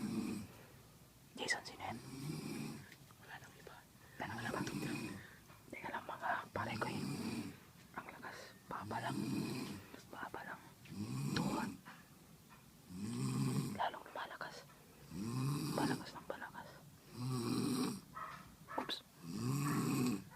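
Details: Regular rattling snores, about 24 a minute, each with a fluttering, rumbling quality; loud snoring heard and tracked down during a "snoring hunt".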